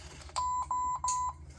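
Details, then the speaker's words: Three evenly spaced electronic beeps over low room hum: an infusion pump alarming, expected because the line is capped, while a 15 mg intravenous bolus is set to run over 2 minutes. "so 15 over 2 minutes press run run B infusing and I have my cap on so it's probably going to alarm at"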